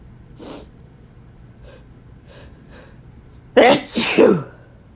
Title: 100+ Sneezes Compilation